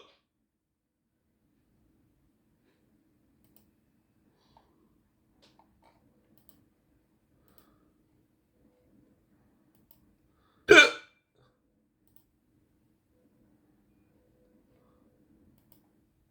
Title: 15 minutes with hiccups